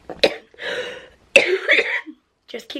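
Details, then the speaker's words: Person with cystic fibrosis, coughing up blood, during an illness flare with worse inflammation: two harsh, wet, productive-sounding coughing bursts with a short exhalation between them. "(sighs) (coughing) I was gonna say "Just keep breathing" and then that happened. (coughing)"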